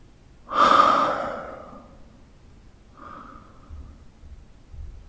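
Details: Deep, slow breathing of a sleeping adult man from a sound-effect recording: one loud rushing breath, then a softer one, with quiet pauses between; normal breathing during sleep.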